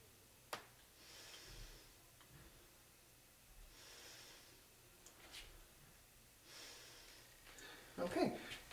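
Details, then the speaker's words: Physical assessment exam, auscultation of chest and back during slow deep breaths: soft, airy, even rushes; appropriate bronchial, bronchovesicular and vesicular sounds heard, symmetrical breathing at an even rate; normal breath sounds. "so i'm hearing uh all of the appropriate breath sounds i should be hearing the uh bronchial the uh bronchovisicular and the vesicular"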